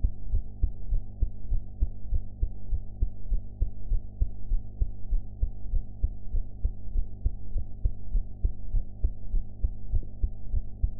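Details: Own heart recorded after eating, with sound quality improved afterwards; steady, regular low thumps at about 100 a minute over a constant hum, a heartbeat at an upper-normal rate; normal heart sounds.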